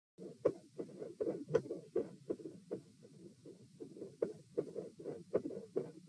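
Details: Heart sounds at position P, recorded lying supine (about 72 bpm), very quiet and faint. The test ran lie, sit, stand, then lie again at 72, 96, 108 and 72 bpm; sounds were loud when sitting, with split S2.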